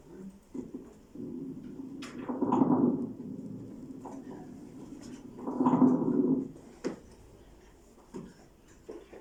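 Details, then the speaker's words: Teaching example of coarse crackles: bubbling sounds from fluid secretions in the bronchi, changed by coughing. "Entonces vean AC aparece siempre que exista secreciones fluidas en los br Este es el ejemplo"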